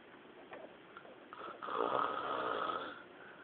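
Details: Snoring: a single drawn-out, rough rattling snore lasting over a second, heard over a faint background hiss.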